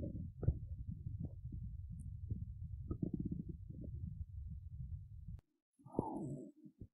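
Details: Adult woman's hungry, empty belly: continuous low gurgling and rumbling with a brief higher gurgle near the end; borborygmi (stomach rumbling).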